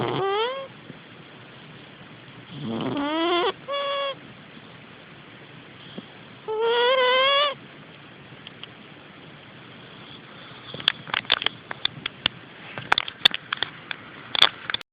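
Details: A sleeping cat snoring, with squeaky, whistling snores coming irregularly with each breath, followed by faint clicking sounds; nasal snoring.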